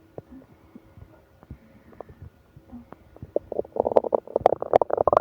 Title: Bad morning from hunger to stomach ache (stomach growling)